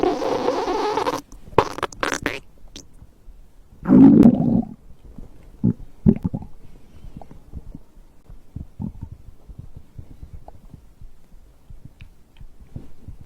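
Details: Stomach growling recorded after drinking a beverage: gurgling, rumbling abdominal noises with a longer low growl, then scattered soft gurgles; ordinary digestive bowel sounds.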